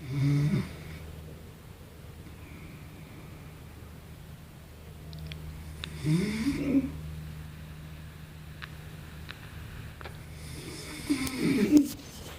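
Three loud snorting snores, roughly five seconds apart, over a steady low hum; snoring.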